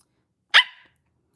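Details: Vocal tic in a young woman with Tourette syndrome during a late-night livestream: a single sudden, loud, bark-like vocal burst in near silence.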